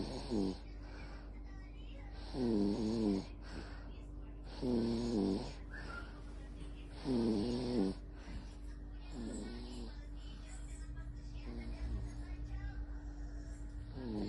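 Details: Infant snoring rhythmically with each breath, about 27 breaths a minute, over steady room noise.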